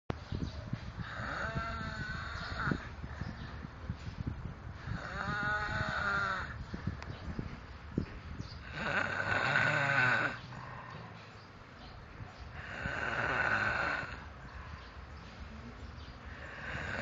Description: scariest yet hilarious snore